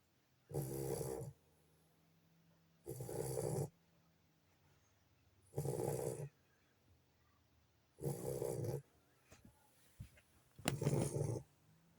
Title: Sleeping _ snoring puppy lagotto after extensive play time with his siblings. 💕